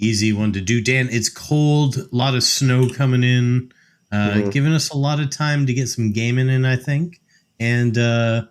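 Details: Adult male speaker; normal voice.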